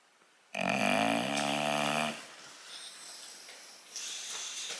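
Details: An English bulldog snoring while awake and relaxing: one loud, harsh, vibrating snort-snore lasting over a second, then quieter noisy breathing. Loud snoring of a flat-faced dog.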